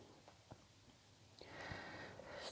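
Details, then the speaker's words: Sleeping pet cat in a quiet room giving faint, soft snorting breaths, with a steady hiss later on: light snoring. "you know if you can hear snoring that's my cat by the way"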